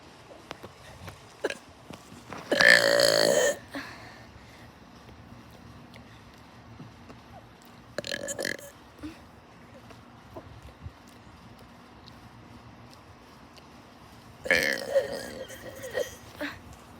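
Three loud belches, the first long and drawn out, the others shorter, with quiet gaps between them.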